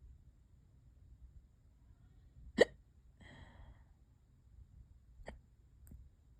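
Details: Person with hiccups for hours, worsening: sharp, abrupt hiccups, one loud and a few fainter, in a quiet room.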